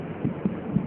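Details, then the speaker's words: Fetal heart sounds heard through the mother's abdomen while the other hand palpates her pulse for comparison; rapid, soft, muffled thumps faster than the maternal pulse, located by Leopold examination (lower quadrant paramedian on the back side). "hitung kalau sudah ini yakin denyut jantung Hai gimana jenis jantung janin bahkan akan lebih cepat dari denyut nadi ibunya"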